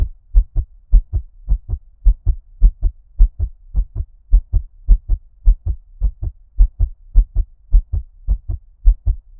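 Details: ASMR heartbeat with ear-cupping effect, muffled underwater-like, no talking: regular paired thumps at about 105 beats a minute; fast-rate heartbeat.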